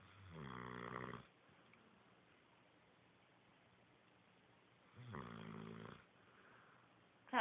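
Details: Two drawn-out, groaning snores about five seconds apart from a sleeping dog, with a quiet room between them, before the dog wakes up barking; snoring.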